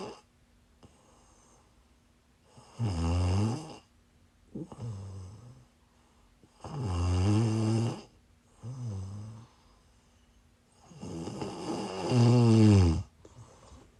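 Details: Snoring while sick, recorded during a live stream: deep, rattling snores recurring every few seconds, about five in fourteen seconds, with quiet pauses between them.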